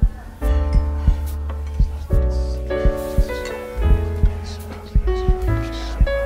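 Soft, regular low thumps at about 57 a minute beneath calm music; a slow, steady heartbeat.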